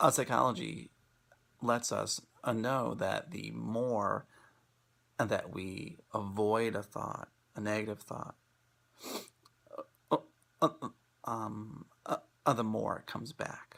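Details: Stuttering in an adult man who has stuttered since childhood and spent most of his childhood avoiding it.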